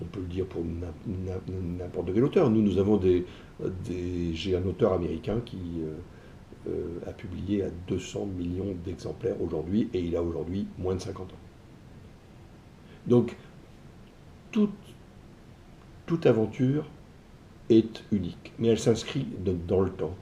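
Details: Adult man who stutters, saying it sometimes blocks him so that under strong emotion he cannot say the phrases he intends; stuttering.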